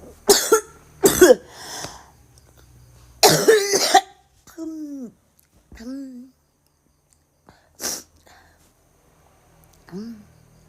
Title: cewe batuk muntah